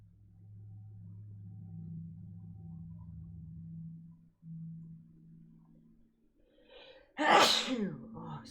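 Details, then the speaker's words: An adult streamer's wet, forceful sneeze with a follow-up sneeze, described as a fat, juicy sneeze; he mentions one nostril often swelling up and sinus trouble. "Excuse me. Sorry, I had a fat sneeze. That was a juicy sneeze, dude. Oh, and then what sucks about that is there's a follow-up sneeze."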